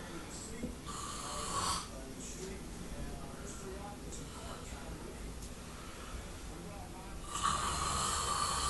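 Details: Sleeping friend, prank with anchovy paste in the mouth: loud, rough snoring breaths with some background voices in the room.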